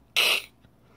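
One short, harsh, hissing honk: a person's imitation of a dog's kennel cough.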